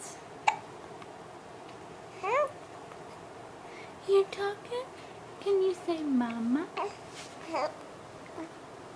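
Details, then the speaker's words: Infant girl cooing and babbling in a quiet room, with a sharp hiccup jolt early on; hiccups. "um my goodness those hiccups they're terrible okay they're terrible okay okay"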